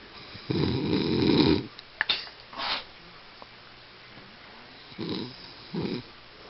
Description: My sister claims she doesn't snore.